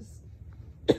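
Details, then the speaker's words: Adult with 8 days of laryngitis and non-stop coughing episodes all day and night, cough felt deep in the throat and chest: a single short, harsh cough bursts out after a second of quiet room noise. "this cough has been going on all night every night all night long I haven't been able to sleep"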